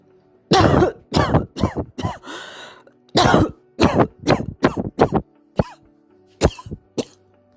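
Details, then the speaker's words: About a dozen short, dry, hacking coughs in irregular runs. Constant dry cough of early tuberculous pleurisy before fluid forms; it worsens lying on one side and eases on the other. "так вот в период до появления жидкости появляется постоянный сухой кашей который усиливается в положении лежа на одном боку в кровати и ослабевает в положении на другом а когда жидкость начинает накапливаться кашель сменяется одышка и температурой вот как звучит такой кашель"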